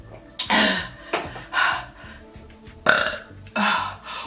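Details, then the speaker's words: Repeated voluntary burping after drinking: about five loud, voiced belches in quick succession, each a short rough burst; the person reports much liquid in the stomach and later vomits. "I almost burped. That's why I sounded like that. So I'm gonna burp now."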